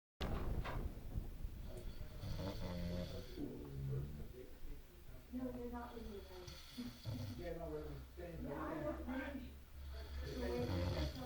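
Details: Irregular low rumbling, vibrating throaty snores from a drunk sleeping adult man, with background voices; snoring.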